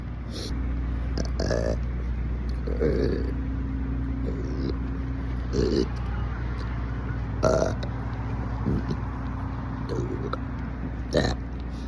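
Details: Repeated loud burping, about eight belches in a row, over a steady engine hum.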